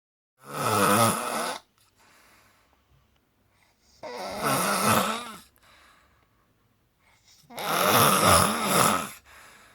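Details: Three loud, rough, rattling snores, each over a second long, with quiet pauses between, about 17 breaths a minute; heavy snoring.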